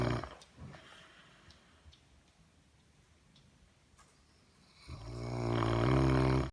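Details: Snoring in a Saint Bernard, a massive snorer audible through walls and floors: a quiet pause, then a loud, deep rumbling breath in sleep.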